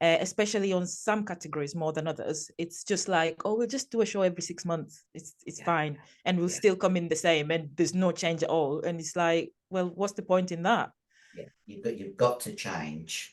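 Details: Adult speaker; normal voice.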